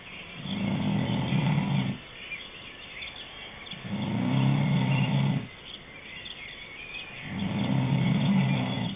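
Three long, low, rattling snores about every three seconds, roughly 20 a minute, with quieter breathing between them.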